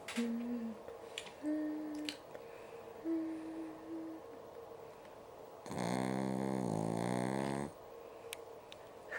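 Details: A puppy quickly falls asleep in a chair after being sung to, then gives soft whistling nasal sounds and one longer buzzing snore, with room noise behind; snoring.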